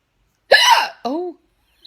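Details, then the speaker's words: A woman with hiccups lasting several minutes, possibly after inhaling some cake, gives a single sharp, loud hiccup with a voiced squeak and a short falling vocal trail: aggressive hiccups. "these are like really aggressive hiccups oh what even our hiccups weird aren't they"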